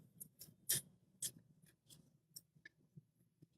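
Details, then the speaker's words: Irregular soft scraping clicks and ticks as the transducer of an ultrasonic Harmonic scalpel (Ethicon) is rotated and tightened into its handheld probe during device setup. "So you insert it, you hold the probe, fix it, and then you turn till you hear 2.5 clicks."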